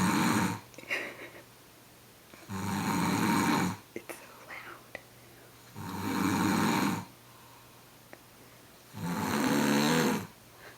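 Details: Adult man snoring after a birthday celebration, very loud, starting about five seconds after lying down and lasting around 30 minutes: loud, harsh snores of about one second each, recurring roughly every three seconds, with quiet gaps.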